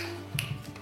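A single sharp finger snap over a steady low hum, demonstrating a finger-snapping tic of Tourette syndrome.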